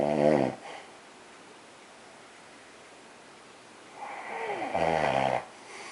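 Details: Loud, rough snores several seconds apart, with quiet pauses between, from a napping adult man (daddy) while another family member naps beside him; ordinary snoring.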